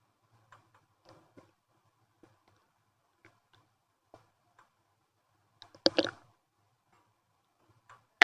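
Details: Active stomach noises after eating a chicken-nugget wrap with sauces and milk tea: scattered soft clicks and brief gurgles with one louder rumbling gurgle midway, unusually loud; bowel sounds (borborygmi).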